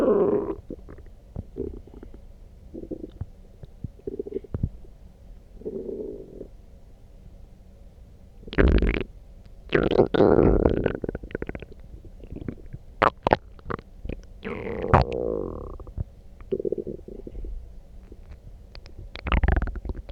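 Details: Loud, irregular gurgling and growling bowel sounds with bursts of squelching rumbles after drinking coffee; borborygmi, loud stomach growling.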